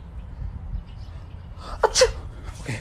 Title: Types of sneezes